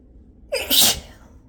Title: sneezes + nose blow